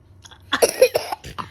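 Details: A child with a cough and cold gives a short run of harsh, slightly throaty coughs followed by softer breaths; a cough.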